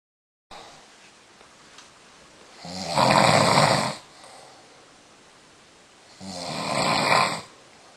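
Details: Adult man snoring in sleep after rich food and red wine: two long, loud, rasping snores on the in-breaths, separated by quiet pauses, about 16 breaths a minute; ordinary snoring.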